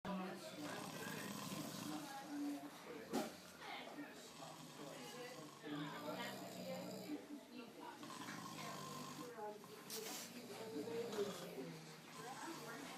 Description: Haha both my uncles snoring